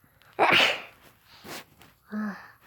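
A single loud, explosive sneeze, followed by a short sniff and a brief voiced sound.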